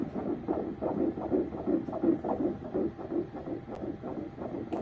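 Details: Rapid rhythmic whooshing pulses about 170 a minute from a very active fetus moving constantly during the ultrasound scan; a normal fetal heartbeat on ultrasound.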